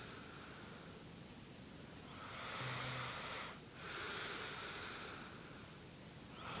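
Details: Snoring during sleep: slow, hissing breath sounds with a rough, snorting inhalation in the middle of the clip.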